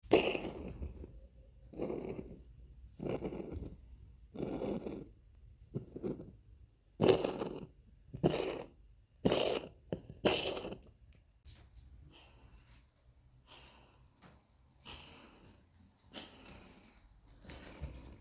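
About eight harsh, dry cough bursts from an animal, roughly one a second, then quieter breathing noises.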